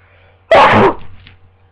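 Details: Person with a worsening cold, just woken from sleep in bed, sneezes once: a sudden explosive burst of air with a brief trailing hiss.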